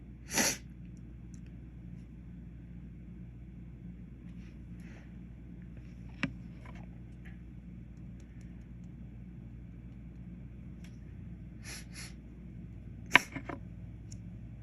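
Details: Sneezing after a dropped container of white pepper while cooking: a sharp sneeze burst, then a few fainter sneezes over a quiet, humming room.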